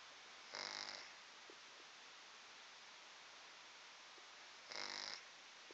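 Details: Two brief, rattly snoring breaths about four seconds apart over steady background hiss: snoring in a sleeping pet.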